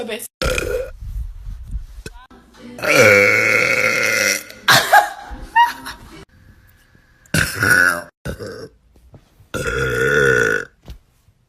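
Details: A girl's run of loud, long, throaty belches with brief talk and faint music between them; repeated burping.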